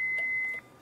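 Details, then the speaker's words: Single steady half-second high-pitched tone from a paddle defibrillator during a CPR lecture demonstration (not on a patient), signalling it is charged and primed to deliver a shock. "And if you need to do a shock, you charge the defibrillator. When this beeps, that means it's ready to deliver a shock. That means this is primed."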